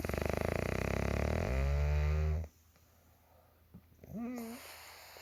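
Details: Mother snoring: loud, low rattling snore on a breath in, fading to quiet room noise, followed by a softer sound; snoring.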